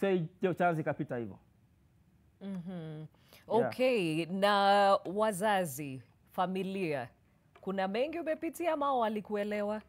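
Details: Adult speaker; speech.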